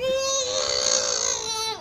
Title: Crying baby